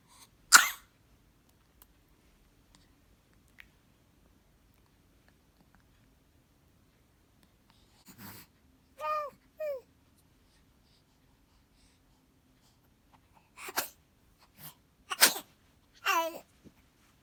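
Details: Four-month-old baby gives several short, isolated coughs between brief cooing and fussing sounds in a quiet room; infant cough.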